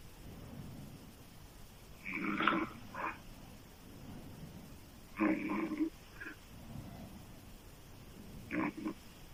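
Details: Woman's irregular, rasping, throaty open-mouth snoring, described as sounding like a man's, over faint room noise; loud snoring.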